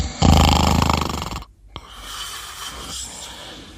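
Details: Snoring during sleep: loud, coarse, rattling snore on the in-breath followed by a quieter breath out; ordinary snoring.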